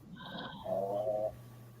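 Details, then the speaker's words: Sleeping Boston Terrier dog making a single rough, tonal snore-like breath over a low steady room hum. "oh the dog is snoring I thought it was his wife she doesn't snore much no that's she has kind of a loud steady steady sleep breathe but it's not snoring"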